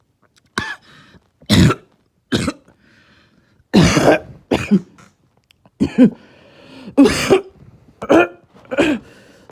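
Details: Barking cough.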